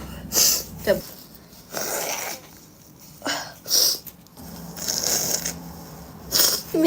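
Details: Spanish-speaking women sneezing: several sharp sneeze bursts with sniffing and nose blowing in between, in a quiet room.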